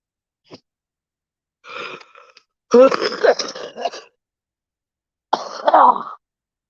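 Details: A few harsh, irregular coughs with brief rough breathy sounds between them in a quiet room; the person says they took a steroid a while ago, breathe better now, and hear no wheezing.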